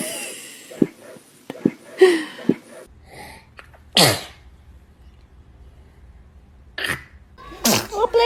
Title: Newborns sneezing are just too adorable!#toddlers #cute #familytime #video #reaction